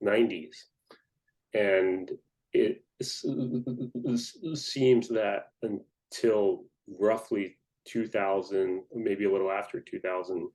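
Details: Stuttering in an adult man who stutters.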